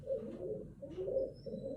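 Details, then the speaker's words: Stridor, continuous high-pitched crowing sound with each breath from partial obstruction of the larynx or trachea, as in croup or foreign body, typically louder over the anterior neck. "strider may be heard in conditions such as proof and foreign body obstruction it's typically louder over the anterior neck as amber is turbulently over partially obstructed"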